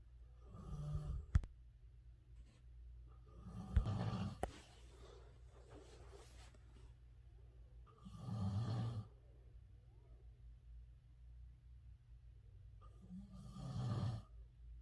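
Loud, low rattling snores recurring every few seconds, about four in fifteen seconds, from a sleeping adult; a few sharp clicks in the room.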